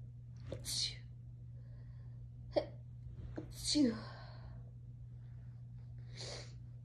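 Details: Sneezing in a variety of ways: several sharp sneezes with quick inhalations between them over a steady low room hum.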